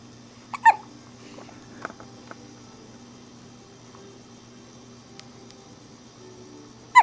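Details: Two abrupt, sharp hiccups about six seconds apart over a steady low room hum.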